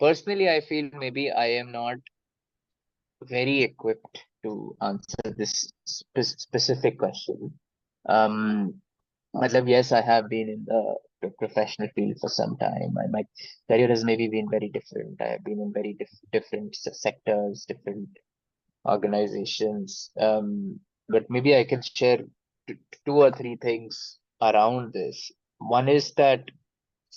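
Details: Adult man who has stammered since childhood, describing his stammering as minor and often hidden; stuttering.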